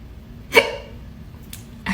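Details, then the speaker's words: Loud, abrupt voiced hiccup with a softer second catch about a second later, echoing in a quiet office at work; person reports really bad hiccups that won't stop; hiccups. "have really bad hiccups and I'm at work and the sound is bouncing off the walls of my office and it won't stop and it is so embarrassing help my hiccups are literally echoing through our [Applause] floor"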